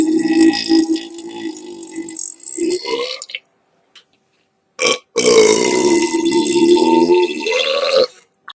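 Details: Burp compilation: two long, loud, voiced belches separated by a pause of silence.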